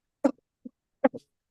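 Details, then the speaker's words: Pharyngeal hacking cough imitated by an adult pediatrician: short, dry, shallow coughs in two brief pairs, arising from throat irritation rather than the chest. "mimic these sounds hackling TR cough is only fenial cough it comes like"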